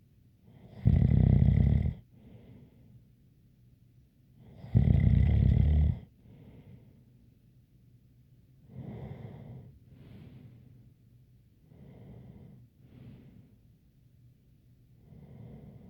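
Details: ASMR snoring recording: loud rasping snores alternating with softer breaths that carry a faint high whistle, consistent with snoring with a light nasal whistle.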